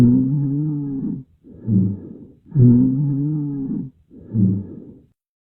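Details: Vesicular breath sounds with rhonchi: low-pitched snoring rumbles through both inhalation and exhalation, from secretions in larger airways.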